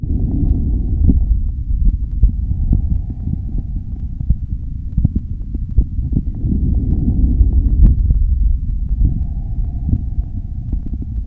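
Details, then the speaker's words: Normal vesicular breath sounds best heard over peripheral lung fields: soft, low-pitched rustling, like wind in the trees, inspiration longer than expiration. "this is called vesicular lung sounds they are low pitch soft and the inspiration is greater than expiration the quality is a sound of like wind in the trees"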